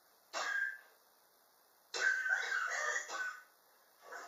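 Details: Chronic cough in a person, ongoing since summer 2016 and still present in 2019: two dry, harsh cough bouts in a quiet room, the second longer with several linked bursts.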